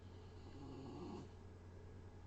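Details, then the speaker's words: A sleeping dog gives a low, soft rumbling snore, one breath swelling briefly before fading, heard during a live art stream; snoring. "and then I will be affiliate so we are like this close now and then I get paid the dog is snoring"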